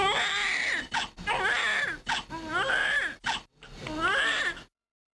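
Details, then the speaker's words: Simulated crying from a wireless newborn simulator (50th percentile, 40-week gestation), in short repeated bursts with brief catches; upper airway sounds synchronized with breathing, including normal breathing, grunting or crying. "newborn hal has several upper airway sounds synchronized with his breathing such as normal breathing grunting or crying"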